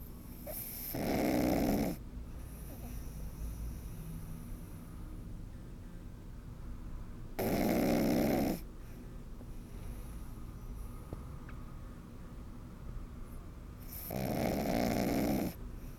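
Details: Pug puppy napping, with regular snorting snores about one every six to seven seconds and steady room noise between: snoring.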